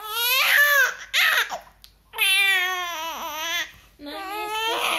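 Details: Infant crying in several sustained, tonal wails with short pauses in a small room, apparently from a wet diaper (peeing), wanting to be changed; infant crying.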